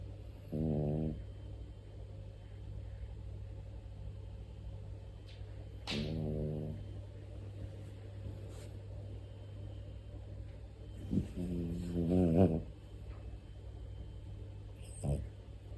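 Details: Small female dog, 14.9 years old, snoring: deep, rumbling snores, three sounded breaths over about sixteen seconds, with a steady room hum behind.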